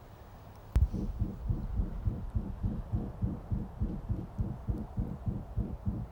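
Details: Dog heart sound recording: rapid, regular heartbeat with a loud whooshing murmur louder than the normal lub-dub, presented as a grade 4 murmur (grading noted as subjective).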